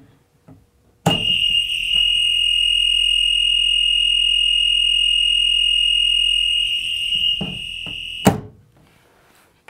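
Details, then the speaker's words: AED cabinet door alarm demonstrated with optional strobe: loud, steady high-pitched tone lasting about seven seconds between door clunks, sounding while the cabinet door is open (default door-activated setting, 9-volt battery). "today we will demonstrate the alarm with the optional strobe so you may see and hear for yourself what the alarm sounds like when the AED cabinet is opened"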